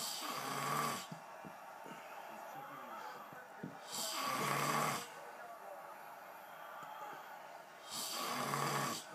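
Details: Man snoring while watching football: regular raspy snores on each breath, about 15 breaths a minute, in a quiet room; snoring.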